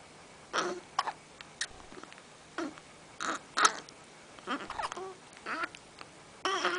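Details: Short, abrupt catches of the voice recur irregularly, mixed with small vocal sounds; hiccups in a person, possibly caught from another person (contagious hiccups?).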